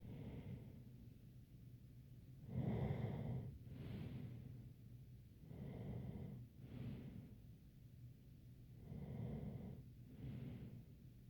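Soft, low snoring breaths repeating steadily with a faint whistling tone on some breaths; snoring with a slight whistle.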